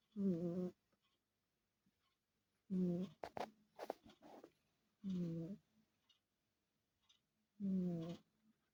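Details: Sleeping cat; loud, buzzing snores about 24 a minute on each breath in, with brief rustling movement between two of them: snoring.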